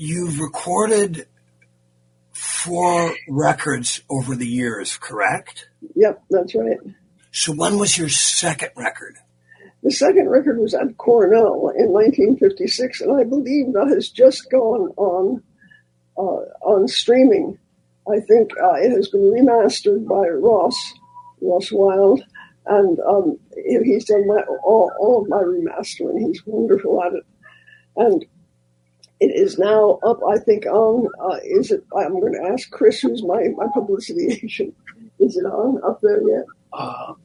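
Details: Elderly former singer who recently lost a vocal cord, not caused by the polio they had in 1948; voice changed from their singing voice; dysphonia after loss of a vocal cord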